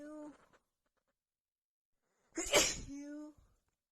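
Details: Person who felt sneezy all day with a tickling nose, during a sneezing fit: one forceful sneeze with voiced sounds before and after it; only a single burst heard.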